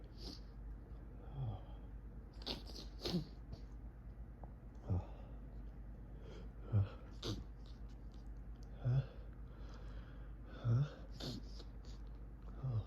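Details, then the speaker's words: Morning sneezing fit in bed from fall allergies with itchy, snuffly nose: repeated muffled, forceful sneezes caught in tissue, sniffles between, each tickle triggering the next; allergic rhinitis. "Such a teasing tickle. It's like each one just triggers the next. It's building. It's building up."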